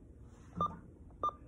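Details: Two brief electronic button tones about 0.6 seconds apart in a quiet small room: a girl in music therapy pressing her AAC communication device to ask for more.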